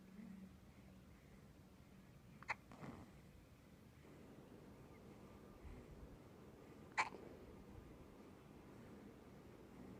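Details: Baby girl makes two sharp, brief hiccup sounds about four to five seconds apart, over quiet room noise: hiccups.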